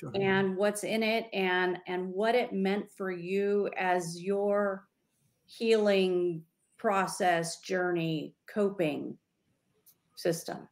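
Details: Adult woman speaking; ordinary speech.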